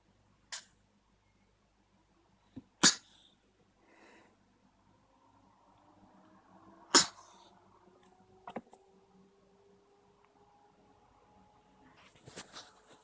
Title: When Lena was a kitten, playing and sneezing as she recovered from cat flu 🤧